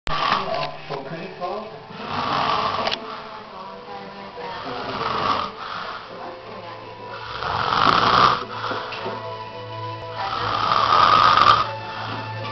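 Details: Drunk man passed out asleep on a couch, snoring: loud, rough snoring bursts every few seconds over background music and room noise.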